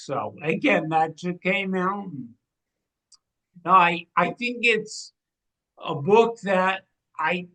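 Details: 45-year-old man with cerebral atrophy and ataxia, a degenerative brain disease diagnosed in 2013 (also given as 2014) affecting movement, balance and speech; speech changes began around 2020 as it progressed; ataxic dysarthria.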